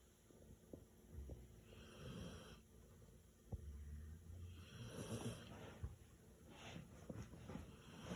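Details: Loud, low rumbling snores with snorty bursts from a sleeping dog, repeating with each breath: dog snoring.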